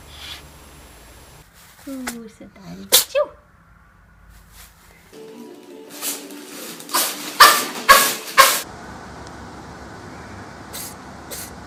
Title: cat sneezing compilation